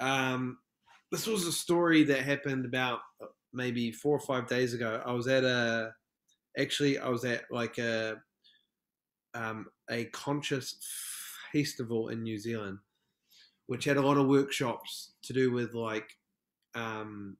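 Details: Stuttering in an adult man from New Zealand who stutters over words in conversation.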